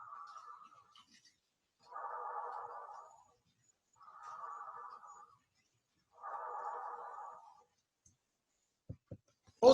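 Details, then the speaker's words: Normal tracheal breath sounds heard over the trachea: rough, blowing sounds in repeated phases, with the expiratory phase louder and longer than the inspiratory phase and a short silent gap between them. "você vai escutar um ruído soproso e mais ou menos rude e o componente respiratório ele é mais forte que não inspiratório e mais prolongado"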